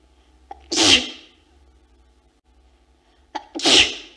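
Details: Female, from Ulf Lundin's 1999 "Bless You" film, in which people were induced to sneeze and left alone to try to hold it back: two loud sneezes about three seconds apart, each with a sharp inhaled catch before the hissing burst.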